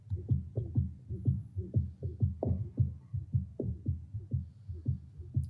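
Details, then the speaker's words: Cardiac auscultation recorded with a connected stethoscope and played as a teleconsultation example: regular, rapid, low thumping heartbeats with a faint low hum behind them. Heart sounds. "je vais vous demander de faire silence on va essayer de vous faire écouter donc une occultation cardiaque"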